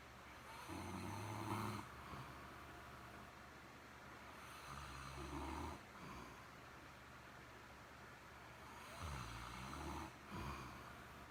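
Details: Snoring from someone described as stoned: slow, rumbling snores about every four seconds, with low rattling on each in-breath.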